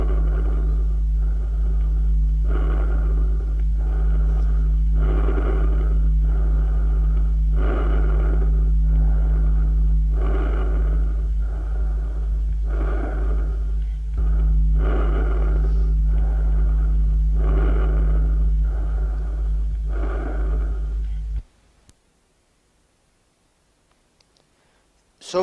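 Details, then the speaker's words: Harsh, loud, high-frequency breath sounds in both inspiration and expiration, about 23 breaths a minute, heard over larynx and trachea, best with stethoscope diaphragm: normal bronchial (tracheal, laryngotracheal) breathing. "si hoy y en ambos tiempos respiratorios es áspero y de alta frecuencia y se oye mejor con membrana escuchémoslo bueno"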